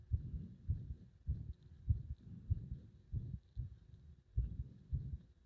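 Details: Heart sounds described as a heart nearly stopping under compression: low, somewhat irregular thumps at about 98 a minute, with no clear slowing toward arrest heard.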